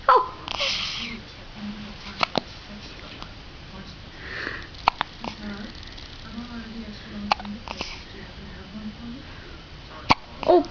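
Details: Baby with hiccups: four sharp brief clicks about every two and a half seconds, soft adult humming in between; hiccups.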